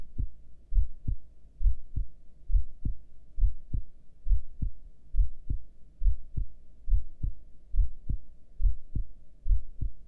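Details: Normal heart sounds recorded during a breath hold, with a heart rate display: regular low paired heartbeats at about 68 a minute, with no extra sounds.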